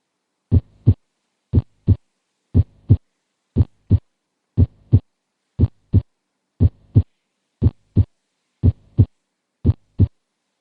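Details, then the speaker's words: Normal first and second heart sounds: regular heartbeat at about 59 beats per minute, crisp S1 and S2, nothing between them. "ini kita dengarkan suara jantung 1 dan 2 yang normal"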